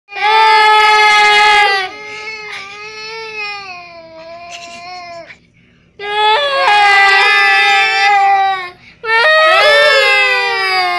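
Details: Loud, high, wailing cry bouts with quieter whimpering between them from an infant who cries when the adults cry; infant crying.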